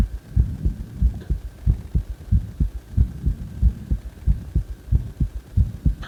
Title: My heartbeat sound after during cpr